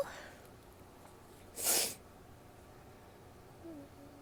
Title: sneezes and nose blows (f)